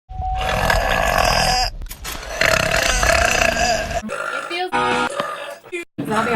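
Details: Several loud, drawn-out, voiced belches in a row from a young woman, with laughter and some background music between them; burping.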